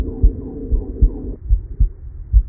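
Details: Normal heart sounds via Littmann CORE digital stethoscope with active noise cancellation and 40x amplification, recorded amid real ambulance noise: regular low thumps about 75–80 a minute under steady engine-like hum and rumble.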